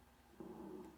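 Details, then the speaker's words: Low-pitched lung sounds heard on auscultation, produced by secretions moving in the bronchi and trachea and indicating airway secretions; rhonchi. "ruidos de tonalidad grave se producen por el movimiento de secreciones en bronquios y tráquea"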